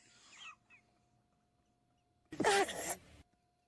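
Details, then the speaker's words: Loud wet sneeze with a lot of spray at the end, likened to a horn from a 1920s automobile, played from an audio library on a live show. "That is a wet sneeze. That sounds like a horn from a 1920s automobile. >> It's wet."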